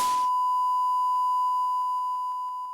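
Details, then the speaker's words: A steady high-pitched ringing tone simulating tinnitus, ringing in the ears caused by sustained exposure to constant loud noise, in a hearing conservation training. "a relatively short exposure to a loud sound such as a gunshot may bring on temporary deafness sustained exposure to constant noise causes ringing in the ears or tonight"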